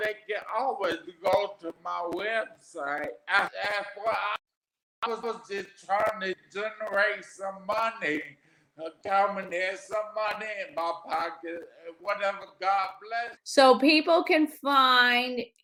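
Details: Adult man, 41, with aphasia after three strokes, the first at age 27 from an arteriovenous malformation, about 13 years earlier; aphasia.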